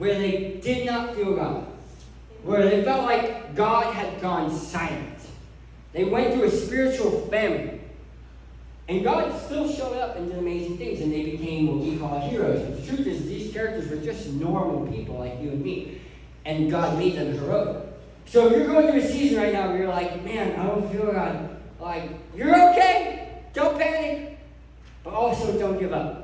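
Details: Adult male who lost 80% of his tongue to cancer, now with a permanent speech impediment; articulation impairment after partial glossectomy.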